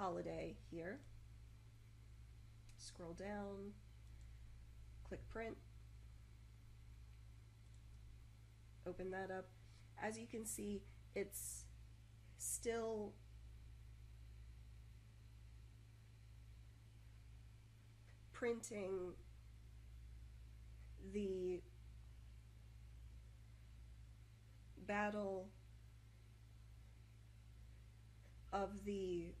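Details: Adult woman who stutters, usually moderately, recorded in 2014 while on prednisone for health problems, which worsened her stuttering beyond her control; pausing, blocks, repetitions and over-enunciation from trying not to stutter; stuttering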